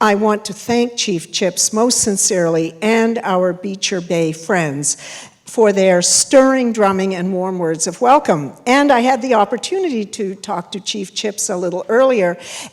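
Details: Adult woman speaking; typical voice.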